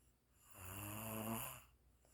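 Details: A single loud, rumbling, buzzy snore on an in-breath, with a steady low vibration during sleep; snoring.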